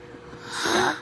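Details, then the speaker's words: Child's hiccups, repeated while laughing; told to try holding breath to stop them. "You have hiccups? Yeah. This is for Papa. Miami Papa. Oh, I hiccuped again. Oh, again."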